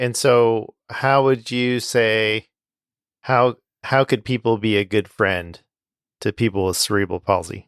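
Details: Adult male speaker; typical speech.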